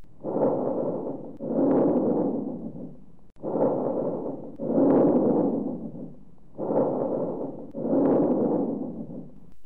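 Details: Bronchovesicular breath sounds: soft rustling breaths at about 19 a minute, with inspiration and expiration similar in length and no pause between them.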